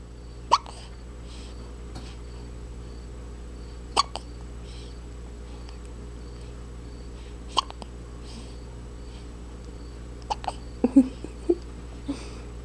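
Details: 8-day-old newborn girl with hiccups: brief sharp hiccup clicks, about seven over twelve seconds, with faint infant fussing and steady background hum.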